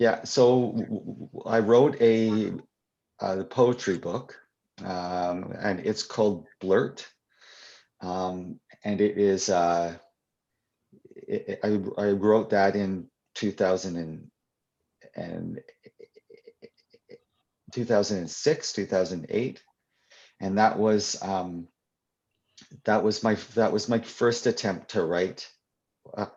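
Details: Adult who stutters, answering a question during a live convention Q&A; real, unscripted speech; stuttering.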